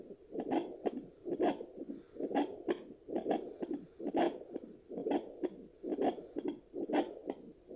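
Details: Regular whooshing paired-swish pulses at about 65 per minute from a handheld fetal Doppler used after delivery: a normal adult heartbeat.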